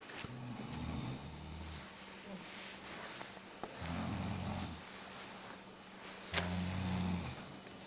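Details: Person snoring in a snoring contest outdoors: deep, rumbling snores recurring about every three seconds over outdoor background noise.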